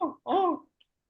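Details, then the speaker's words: An adult pediatrician imitates the harsh, crowing inspiratory breath of croup in a child, a sign of a swollen, narrowed windpipe needing emergency care; inspiratory stridor, imitated. "and second thing is when they breathe they will breathe like that this will go inside that is also very dangerous you should visit emergency immediately"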